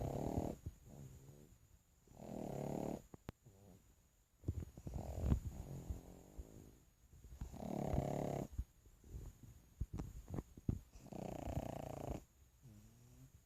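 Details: Snoring in a sleeping pug: rhythmic rattling, snorting snores on each breath, about six breaths, with small clicks between.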